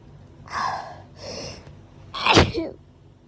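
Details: Person woken in the middle of the night by hay fever sneezing takes two breathy, in-drawn gasps as the sneeze builds up, then gives one loud, explosive sneeze; audio only.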